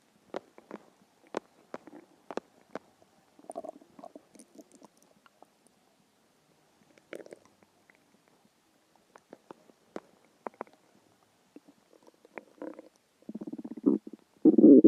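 Scattered gurgles, clicks and rumbling squeaks from the belly, building to longer growls at the end; ordinary hunger stomach growling.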